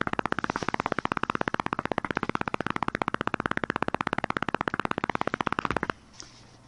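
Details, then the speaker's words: EMG simulator software demonstrating jitter increased to 110 microseconds with blocking, simulating unstable neuromuscular transmission: rapid, regular motor unit firing at about 190 a minute, with crackly, unstable discharges and missing components. "we can increase the heat from normal 22 18 microseconds and we see the variability in shape on consecutive discharges if the uterus set to even higher value say 110 microsecond and the instability is much more pronounced and individuals by components are missing"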